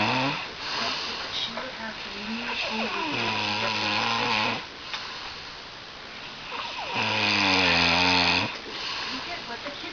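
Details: Man snoring while asleep, keeping another person awake: loud, rough, rumbling snores on the in-breath, quieter snorts between, about three snores in ten seconds.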